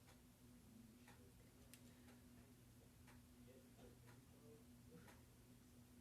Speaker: Oh, God. I can't stop. I can't stop the hiccups, man.